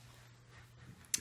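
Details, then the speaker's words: Newborn boy (Phoenix), about one to two weeks old, lying in mother's lap on the floor: one brief sharp click-like hiccup after a quiet room; newborn hiccups. "I'm trying to like keep everything in mind here he is you can hear him hiccuping"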